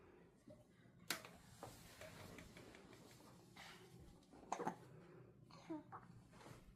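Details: Hiccups in a 30-day-old newborn baby: several brief, sharp little catches with soft breathing between them in a quiet room.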